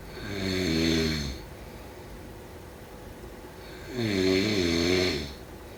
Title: Snoring sound … #4